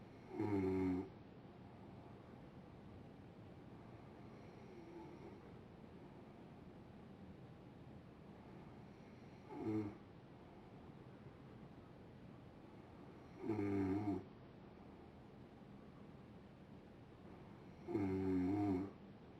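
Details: Adult woman asleep, rattling snores on breathing in about every four to five seconds over steady room hiss; habitual snoring she denies.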